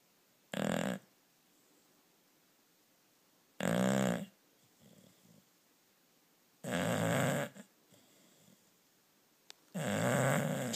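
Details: A sleeping dog snoring: loud, rattling snores, about four in ten seconds, with quiet gaps between them.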